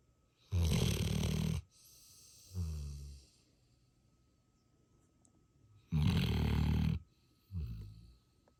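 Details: Snoring: deep rumbling snores on the in-breath, each followed by a softer out-breath, about two cycles heard.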